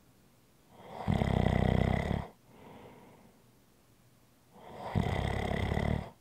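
Two loud, rattling inhaled snores with quieter exhalations between them, in a quiet room; ordinary snoring.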